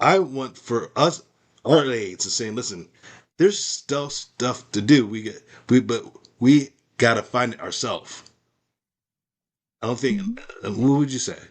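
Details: Adult male with aphasia after a stroke, doing ongoing speech practice as part of stroke recovery.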